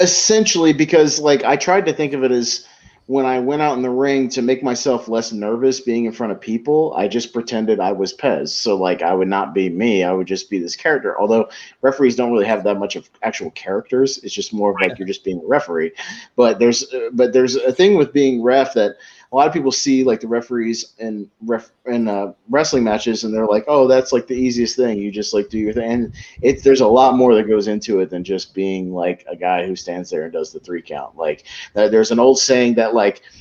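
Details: Adult male speaker; typical speech.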